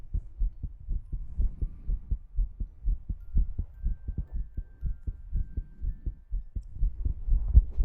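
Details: ASMR recording with tongue clicking and ear-cleaning sounds: soft, low, muffled heartbeat thumps repeating quickly and somewhat unevenly in a quiet recording.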